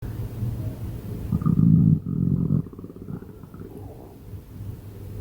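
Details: Stomach growling: a deep, drawn-out rumbling growl fading into softer gurgles from gas and fluid moving through the gut.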